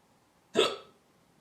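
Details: A single short, sharp hiccup with an abrupt onset and quick fade, otherwise quiet.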